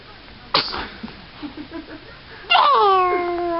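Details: A single sharp sneeze, then soft sounds and a high-pitched voiced cry or squeal; sneezing.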